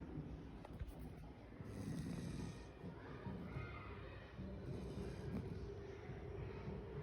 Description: white retriever puppy often sleeps snoring loud as you can watch in the video he is always playful and tireless with us